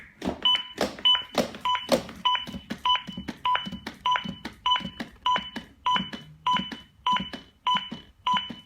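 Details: Steady two-tone beeps about 100 a minute over thumping chest compressions, with Spanish voice prompts "push harder" and "good compressions"; ZOLL AED metronome pacing CPR compressions.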